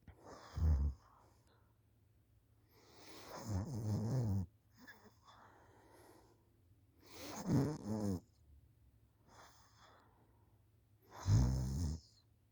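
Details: School student asleep on the couch after school, recorded by mother: irregular low rattling snores with quiet gaps, about 16 a minute, some vibrating loudly on the breath; snoring.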